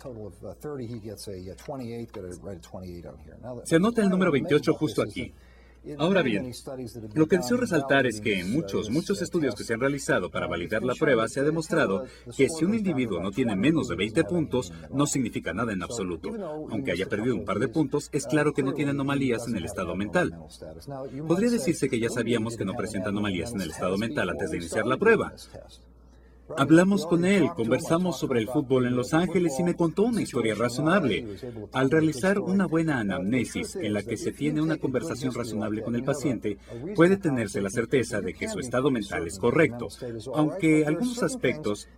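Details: Adult male speaker; normal speech.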